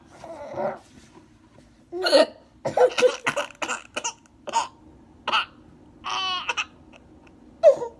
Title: මට ඉක්කා යනවා | Baby getting hiccups